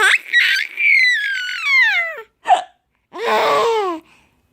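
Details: 5-month-old baby laughing at hiccups: squeals and laughter with a brief, abrupt burst in between, fitting a single hiccup.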